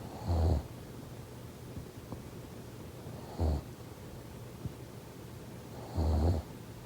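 Three low, rattling snores come at a steady rhythm of about 21 breaths a minute, with quiet breathing between them. This is snoring.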